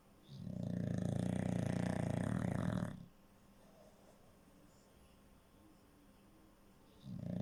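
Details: English bulldog snoring: a loud, deep, rattling snore lasting about three seconds, then quiet breathing before the next; typical flat-faced dog snoring.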